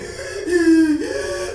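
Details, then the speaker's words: Veterinarian's vocal imitation of obstructed-airway breathing heard through a stethoscope, simulated not real: strained, squeaky, high-pitched wheeze or stridor in two drawn-out pulls, meaning a hard time breathing. "and I'm going to make sure you don't sound like your Airways cutting out"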